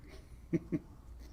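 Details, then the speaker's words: Dog snoring: two brief, low, nasal snorting sounds close together over quiet room noise. "you know we do have that high pressure system to our north as you can hear our dog snoring"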